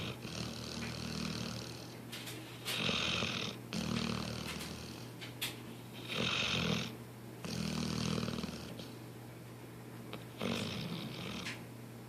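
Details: Dog snoring: loud, rough snoring with drawn-out noisy breaths repeating in cycles, about 10 breaths a minute.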